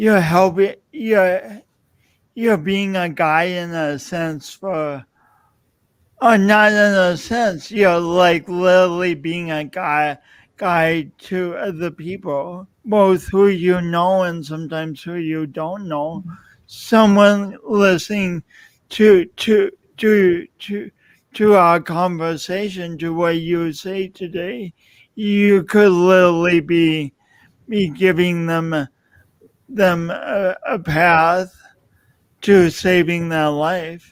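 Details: Man describing his own self-described speech impediment, type not named; stuttering.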